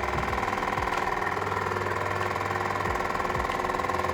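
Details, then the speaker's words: Waterpik water flosser switched on for a live self-demonstration, head over the sink: steady, rapid buzzing pump pulses just before the lips close around the tip, the flow is turned on and the outer tooth surfaces are cleaned. "in my mouth i'm gonna wrap my lips around and then turn on the flow"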